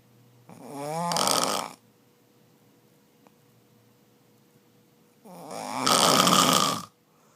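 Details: Two loud, rough, rattling snores about five seconds apart, each building to a harsh peak, over a faint room hum; snoring loud enough to keep the sleeper's wife awake.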